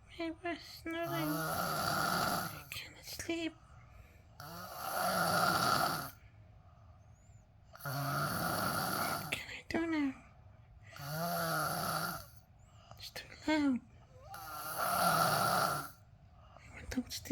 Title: Snoring 2